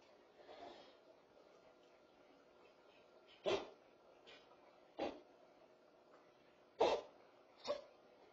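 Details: Dog with kennel cough giving short, harsh, hacking cough bursts against a quiet room hum.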